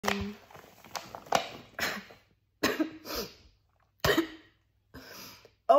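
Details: Sneezing set off by baking flour tickling and itching inside the nostrils: a run of about six sharp, explosive sneezes in quick succession in a small room.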